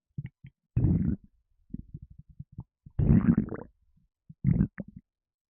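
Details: Stomach rumbling with gassiness: deep, gurgling bowel rumbles in long bursts separated by short bubbling pops, with burps.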